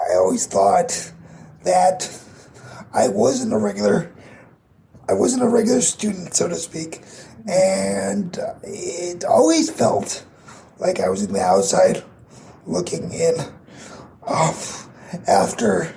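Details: 22-year-old man with cerebral palsy affecting his muscles, tighter muscles making talking more difficult, audible in his voice; dysarthria (cerebral palsy).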